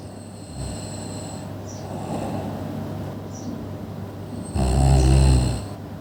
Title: Snoring | Annoying Sounds นอนกรน เสียงที่น่ารำคาญ